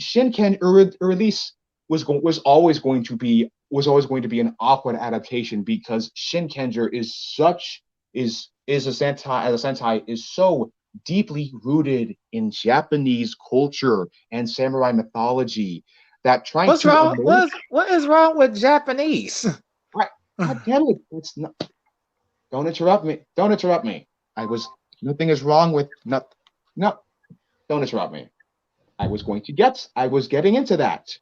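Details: Male podcast co-host who reports having a bit of a speech impediment, type not specified; speech disfluency with word and phrase repetitions.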